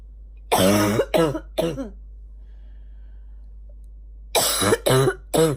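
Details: Two runs of three harsh, voiced coughs with a hoarse, honking edge from a female; a morning barking cough.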